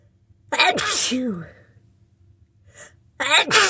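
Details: Two loud explosive sneezes, each with a sharp in-breath, in a quiet room; a person with a head cold, nose sniffly and tickly all day, sneezing after struggling to get the sneezes out.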